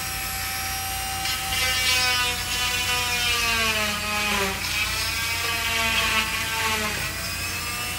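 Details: Oscillating cast saw removing a long-worn cast after an ankle fracture: a steady high buzzing whine that dips in pitch as the blade bites through the cast.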